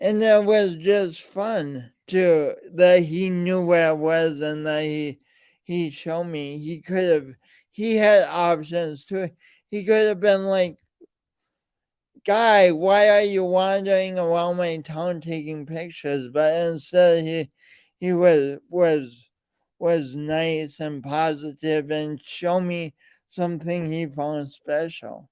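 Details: Man with a speech impediment present since birth and still ongoing, alongside lifelong coordination differences; speech impediment with disfluency.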